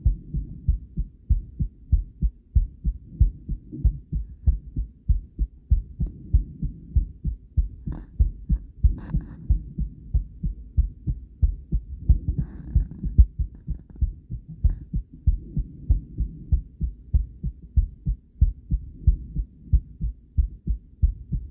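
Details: Female heart recorded by ultrasound Doppler with sound: regular low thumping heartbeat at about 95 beats a minute, with some noise at the start; normal heartbeat.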